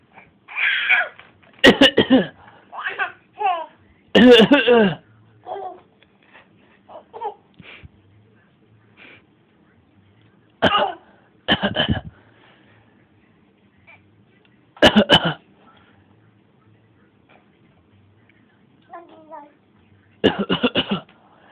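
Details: A young child gives several short, forced, deliberate fake coughs mixed with babbling and laughing.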